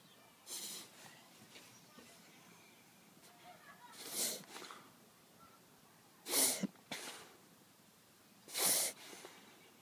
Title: Dog with breathing problem